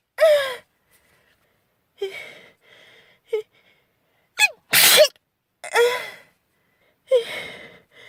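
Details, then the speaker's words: A girl's repeated sneezing: sharp gasping build-up inhalations, then forceful bursts in a series, as she tries to sneeze away a persistent nasal tickle. "Thank you. Going to sneeze. I"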